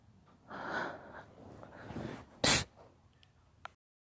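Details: Daughter sneezing: a breathy intake followed by one sharp, loud sneeze, then quiet.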